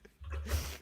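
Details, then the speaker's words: A single brief, low rumbling breath sound from a sleeping pet cat that snores very loudly, heard in the background of a live coding stream; cat snoring. "yes my cat snores very loudly"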